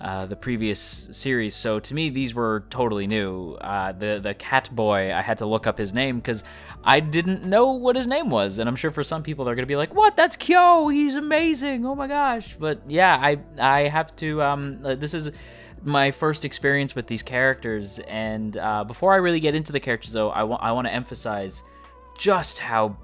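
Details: Adult male who self-reports stuttering; sound and word repetitions heard throughout the clip, consistent with stuttering.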